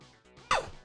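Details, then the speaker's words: After a quiet moment, a single abrupt, explosive burst of air with a falling vocal tone: one adult sneeze, with faint background music. "je viens d'éternuer vous avez entendu"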